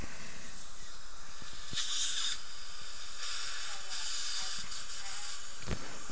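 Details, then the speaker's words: Continuous hissing spray with brief louder bursts from an air-water syringe rinsing the mouth during work on a fractured Ti-base implant abutment at tooth position 18. "pre-dip of course and just follow the bouncing ball so we're going to rinse that out"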